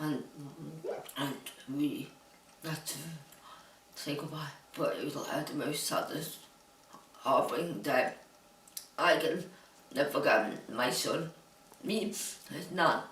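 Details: Adult woman diagnosed with Huntington's disease, living in a supportive care home. Finding: dysarthric speech in Huntington's disease.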